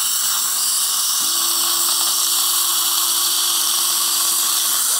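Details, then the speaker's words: Flapless dental implant osteotomy in the mandibular ridge at 1000 rpm with saline, for a 5.0x10 ET3 implant: steady high hiss with a sustained mid-pitched motor hum from the slow drill. "I'm going a thousand rpm this is high awesome et3 system feel anything let me know okay"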